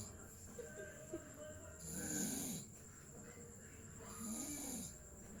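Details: Snoring during sleep: two rough, rattling snores on breathing in, roughly 25 per minute, with quiet breathing between.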